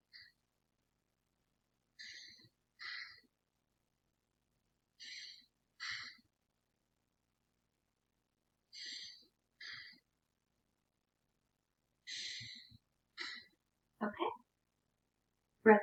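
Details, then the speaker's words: Soft, airy paired breaths, in and out, about 17 a minute, heard over the patient's back during a head-to-toe assessment, clear bilaterally without added sounds; normal breath sounds. "sounds are clear bilaterally"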